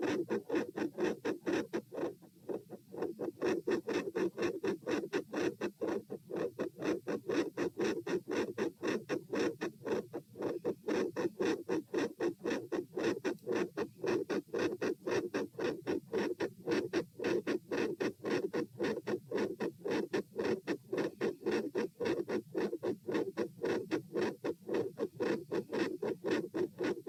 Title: Heart Sounds - Weird - Stress Test P, Phasic Pressure Changes?, Volume/Pattern Change PFO shunt?